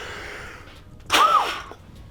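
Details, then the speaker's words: Adult strongman athlete at a sports medical doing a second peak flow attempt after a big breath in: a single sharp, hard, fast blast into the peak flow meter, about half a second; reading about 600. "so yeah big breath in and then hard and fast let's do it second time come on you gotta really try this time"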